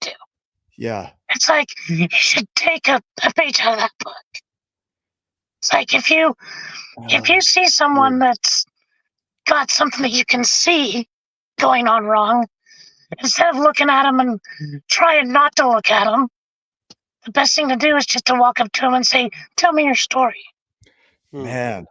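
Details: Adult man with traumatic vocal fold paralysis from a four-wheeler accident at 25 (trachea split, oesophagus torn); tracheostomy removed after 2 months; scope still shows paralysed cords; over 25 years since onset.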